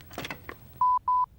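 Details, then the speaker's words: Lifepak CR Plus automated external defibrillator in a demonstration, powered on by pressing the on-off button: a click, then two short, even electronic beeps. "Set the Lifepak AED on the same side of the patient as you. Press the on-off button."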